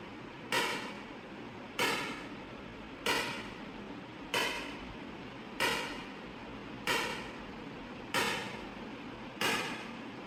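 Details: Extracorporeal shock wave lithotripsy (ESWL) on a patient with a stent in the right kidney and residual stones after surgery, targeting a mid-pole stone: sharp, evenly spaced cracking pops, about 47 a minute, over a low room hum.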